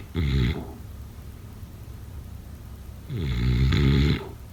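Deep, rattling snores, one at the start and a longer one about three seconds later, with quiet breathing between: ordinary snoring.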